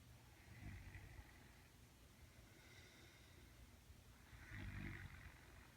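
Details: Adult female (girlfriend) snoring while asleep in the dark: two low, rumbling snores on the in-breath separated by quiet breathing against steady room noise; ordinary snoring.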